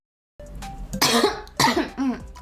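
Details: Girl, ill since the previous evening, told by a doctor not to speak for 3–5 days, received an IV drip and medication, prone to illness at seasonal changes; cough.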